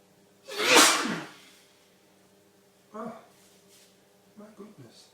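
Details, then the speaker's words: Man in a long, violent sneezing fit from a very sensitive nose, with his eyes watering and nose streaming: one loud explosive sneeze, then quieter breathy sounds and short noises. "This is a sneezing explosion. Not done. My eyes watering, my nose streaming. I'm still sneezing."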